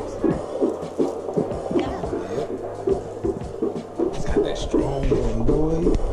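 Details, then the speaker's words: Fetal heartbeat on Doppler at 32 weeks' pregnancy, doctor's office visit: rapid whooshing beat about 159 per minute (about 140 the previous week), music behind; normal fetal rate. "it's like the baby heartbeat he's going up each week now like it was like 140 last week 140 something now this week is 159"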